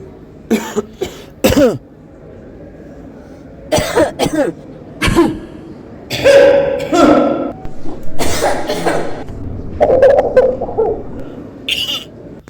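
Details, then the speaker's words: Scattered short coughs and throat clearing from several worshippers in a quiet mosque, one person's cough setting off the next. Contagious coughing. "انك غير كتك حب في المسجد كلشي كيبدا يك حب من وراك"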